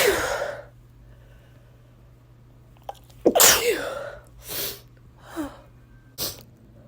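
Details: Lying in bed in the morning, a messy sneezing fit: one loud sneeze and several softer, shorter ones over a low steady hum; repeated sneezing.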